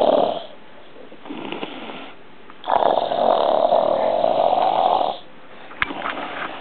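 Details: Loud, rough, rattling snores on breathing in, with quieter breaths between, while lying on his side; reportedly worse when on his back. Quiet small room.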